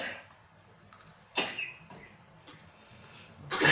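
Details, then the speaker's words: Stubborn cough lasting over a month, possibly around two months, during a traditional treatment session; phlegm said to stick to the lungs: a string of short, moderately loud coughs with quiet pauses, heard at a distance; chronic cough. "Iki batuke sudah lama. Wah, lama lek. Lama piro? Sebulan lebih."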